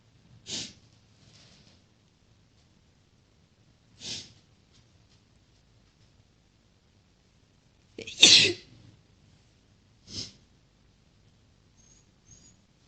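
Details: Four separate sharp, explosive sneezes in a quiet room; more chhinkni sneezes.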